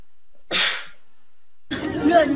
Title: How Different Celebrities Sneeze #SHORTS